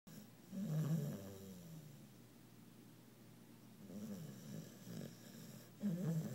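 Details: Worn-out sleeping puppy, twisted up behind another dog and twitching, making low rumbling snores with a snorting, growly quality across a few breaths in a quiet room; snoring.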